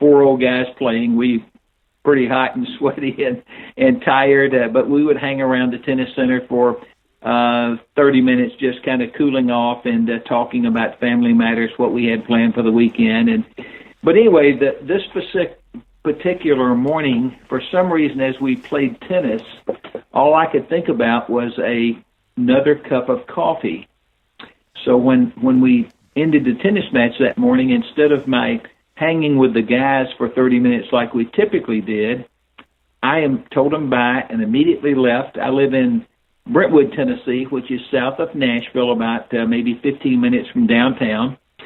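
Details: Older adult man; unaffected speech.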